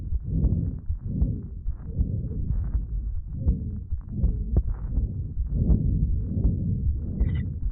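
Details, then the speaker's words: Venous hum, innocent paediatric murmur heard at infra- and supraclavicular borders, only with the patient upright: soft continuous musical blowing hum beneath heartbeats near 80 a minute. "I hope you can tell that that MMA is a lot more musical it sounds like a blowing murmur and not so harsh like the systolic and diastolic murmur we heard earlier"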